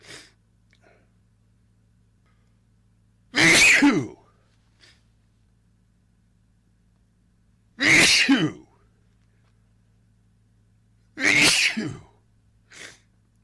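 Three loud, explosive sneezes a few seconds apart, each with a sharp intake before, in a quiet room; a sneezing fit.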